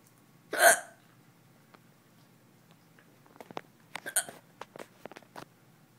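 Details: A single sudden, sharp hiccup, then faint rustling and soft sounds in a quiet room: hiccups.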